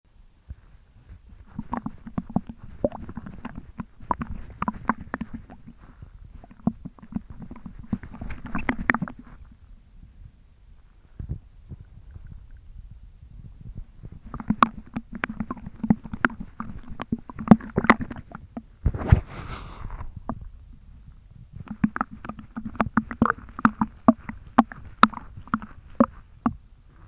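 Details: Belly jiggled after drinking almost a litre of milk in one go: wet sloshing and gurgling from a full stomach in three bursts: stomach sloshing and gurgling (succussion splash).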